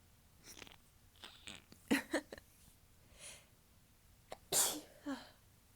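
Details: Several soft, stifled, tickly sneezes with small breaths between, from an adult whose nose feels completely blocked, during a morning talking session in a quiet room.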